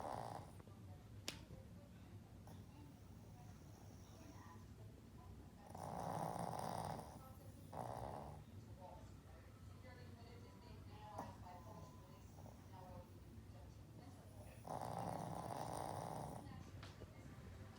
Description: My 7 year old shih tzu is the loudest snorer in the house.